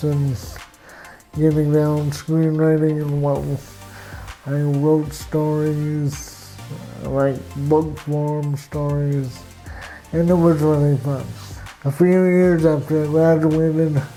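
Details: Adult man with cerebral palsy, with walking difficulty and frequent falls; real patient speech; dysarthria in cerebral palsy.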